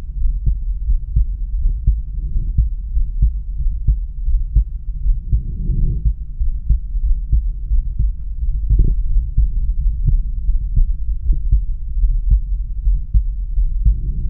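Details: Normal heart sounds through a stethoscope at the aortic area: regular low heartbeat thumps at about 80 a minute, with no added noise.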